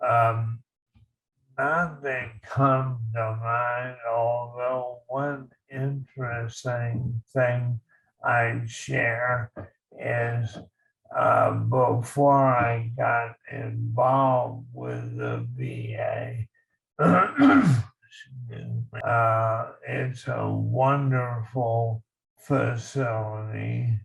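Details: Male army veteran with ALS, diagnosed in 2014, speaking slowly in an interview; dysarthria in ALS.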